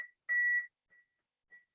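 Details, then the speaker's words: High steady electronic beeps from a training AED during an education demonstration after a shock is delivered: the CPR metronome tone setting the pace for chest compressions. "it's actually if you were doing cpr right now that's your beat there it is your tempo we call it a metronome"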